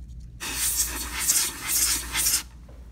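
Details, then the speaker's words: Simulated root canal demonstration on an upper front tooth: after the local anesthetic, the patient gets a mouth rinse, and a steady, fluctuating hissing slurp is heard as the saliva ejector suctions the rinse water. "give the patient a mouth rinse and suction with the saliva ejector"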